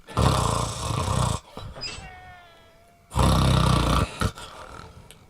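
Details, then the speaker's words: Acted snoring in a Tamil comedy skit where an uncle and aunt snore in turn: two loud, rattling snores about two seconds apart, with a quieter tone between them. "என்ன உள்ள ஒரே சத்தம் சித்தப்பா குரட்டை விடுறாங்க அப்புறம் இன்னொன்னு சித்தியும் குரட்டை விடுறாங்க"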